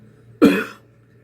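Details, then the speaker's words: A single short, deliberate cough from a person with COPD demonstrating controlled coughing, a little at a time with rests, to bring up mucus and sputum. "what you do is just a little bit at a time (cough)(cough) like that and take a rest"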